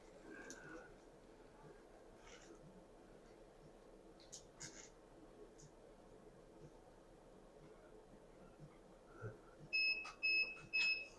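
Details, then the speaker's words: Implant motor torque beeps while placing mini dental implants in a lower full arch after extractions: three short high-pitched beeps, the first at 30 Ncm torque and the second at 60 Ncm. "So as the motor beeps, we have a torque system, a torque reading system while we place. Our initial beep is on 30 Newton centimeters, which we would like at a very minimum. Our second is at 60."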